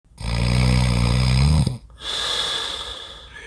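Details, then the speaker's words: Adult in deep sleep in a hotel room gives very loud, deep, rattling inspiratory snores with softer airy out-breaths; the snoring grows progressively louder. "엄청 나게 크네 요 . 예 . 점점 소리 가 커지고 있어 요 . 소리 가 훨씬 더 커질 겁 니다 ."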